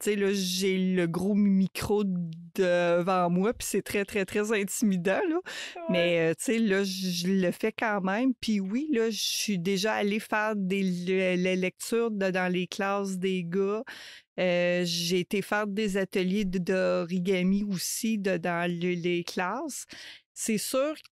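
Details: Adult woman who stutters, a mother of two adolescents, with word and phrase repetitions; stuttering.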